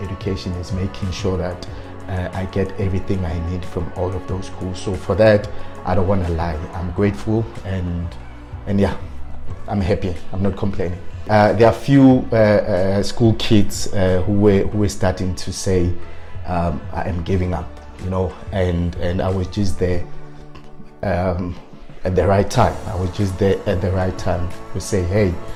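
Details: Stuttering in an adult man who has self-coached his fluency but still stutters on certain words.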